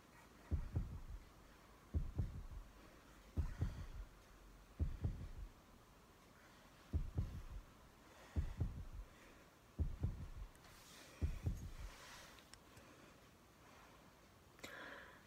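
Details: Simulated ASMR doctor role play of a COVID PCR test, with a role-play temperature of 38.2: regular paired low thumps, about 42 a minute, heard through a stethoscope; heartbeat.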